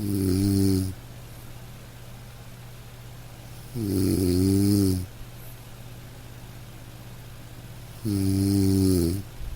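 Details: Sleep snoring from a household snorer: three long, rattling snores on the in-breath about every four seconds, with quiet breathing between and a steady room hum underneath.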